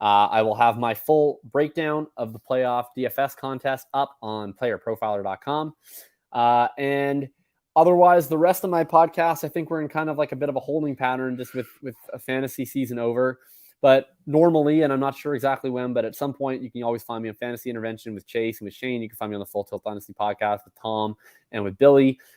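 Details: Adult male speaker; normal voice.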